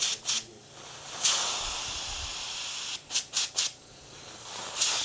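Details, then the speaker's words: Several short hissing bursts with a longer hiss between them as an ENT specialist sprays Afrin decongestant into an adult's nose in clinic, for use no more than three days in a row; nasal spray actuation. "I'm going to spray this Afrin in your nose."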